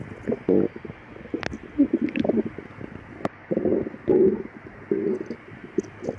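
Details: Hungry stomach growling of a person with severe lactose intolerance, after 12 hours without food, before and after drinking milk: repeated bubbling gurgles and squelching rumbles in short bursts.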